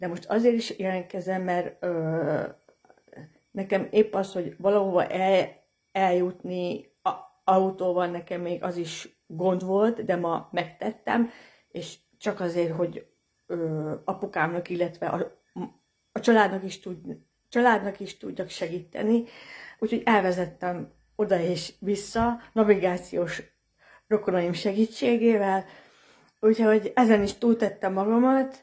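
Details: Adult woman who stutters, with audible word repetitions; stuttering.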